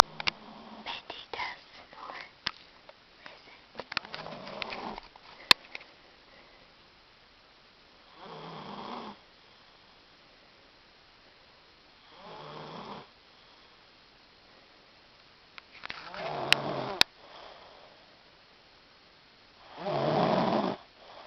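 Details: Girl snoring while asleep, though she says she doesn't snore: soft rustling and whispers, then four rough snoring breaths about every four seconds (roughly 15/min), growing louder toward the end.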